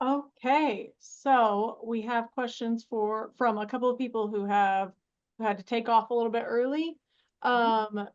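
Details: Adult woman; Typical speech.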